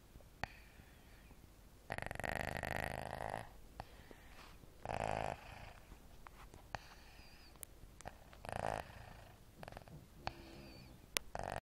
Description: snoring, a wee funny kinda snore..